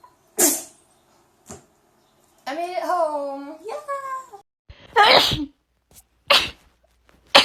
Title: Rapid Sneezing Compilation 2